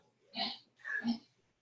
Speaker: don't mind that noise that's my dog coughing up the storm